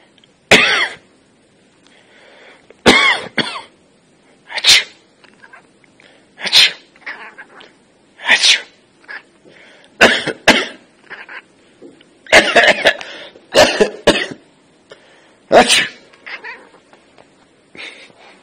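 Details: Cat sneezing: about ten short, sharp explosive bursts over eighteen seconds in a quiet room, sneezes or coughs.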